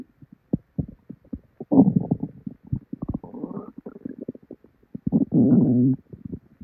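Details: Tummy growling with diarrhea after drinking probably expired milk: loud, frequent gurgling and rumbling with bubbly pops and longer growls; hyperactive bowel sounds (borborygmi).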